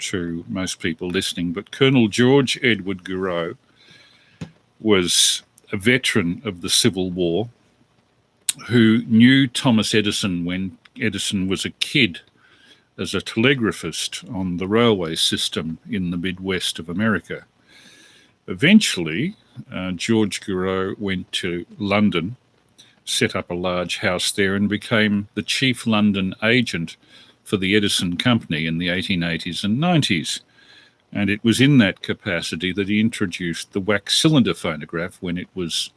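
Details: Adult male speaker; normal speech.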